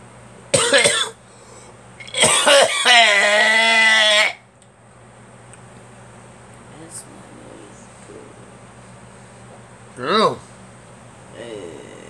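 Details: Adult coughing up phlegm during cold weather: two coughs, the second prolonged and voiced, then a brief throat sound.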